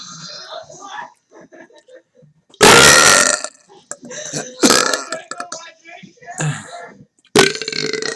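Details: Simulated burp, deliberately produced with swallowed air rather than a real belch: loud, rough, drawn-out burp-like blasts between quiet room sounds; burping.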